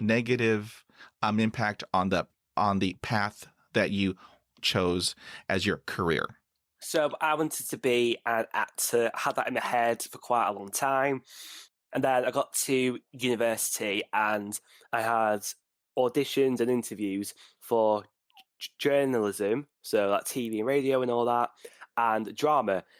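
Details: 49-year-old man who stutters and reports severe blocks with eyes closing and breathing stopping; part-word and whole-word repetitions; stuttering.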